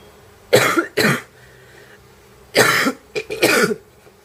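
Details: Girl coughing while smoking: four short, harsh, mildly wet barking coughs in two pairs in a quiet room.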